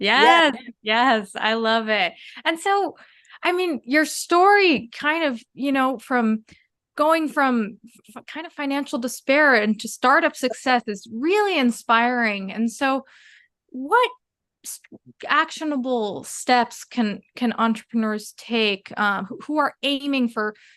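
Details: Adult woman speaking; normal speech.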